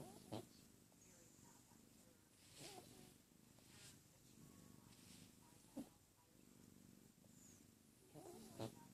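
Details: Pet cat snoring loudly: soft rumbling breaths with a few brief louder clicks and snorts.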